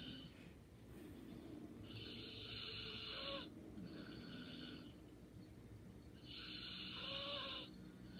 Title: Light snoring and sleeping soundly😴